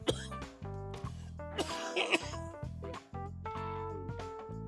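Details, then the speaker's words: Cough in an adult sick since Tuesday after coughing for 5 days straight, with chest pain and sinus symptoms, recorded while talking. "That's not a good cough. It sounds like chest hurting. It is chest hurting because I've been coughing for 5 days straight."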